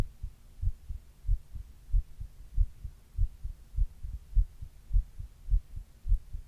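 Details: Regular soft low heartbeat thumps at about 100 beats a minute with no other sounds, recorded by the person on their own chest while reading, in a recording partly made during a 102 °F fever; normal heart sounds.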